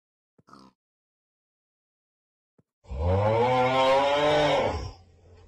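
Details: A dog snoring: a single long, droning, rumbling breath with a steady buzzing tone after a brief faint sound.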